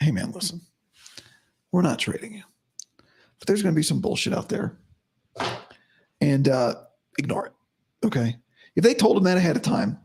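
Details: Adult man, about five to five and a half weeks after vocal fold surgery; he reports daily improvement, though today likely unchanged from yesterday after heavy voice use and no sleep. Dysphonia after vocal fold surgery.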